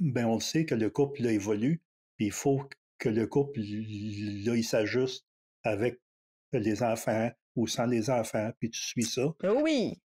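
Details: Stuttering in an adult man in his thirties who stutters.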